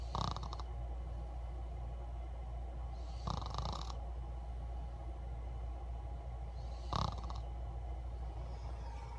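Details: Snoring recorded September 2016: brief snorting snores about every three and a half seconds over a steady low hum; ordinary snoring.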